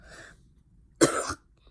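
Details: Coughing from a person who has just woken up, heard during a gaming recording.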